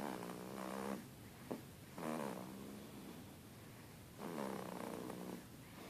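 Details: Regular rough, buzzing snores on each breath, about three in six seconds, from a sleeping pet; snoring.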